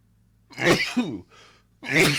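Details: Sneezing fit attributed to allergies: two forceful sneezes with a short breath between them.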